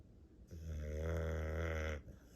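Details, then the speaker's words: Dog worn out after a busy day, asleep and snoring like a chainsaw: one long, loud, low rattling snore lasting about a second and a half in a quiet room; heavy dog snoring. "He's sawing logs. I guess we wore him out today."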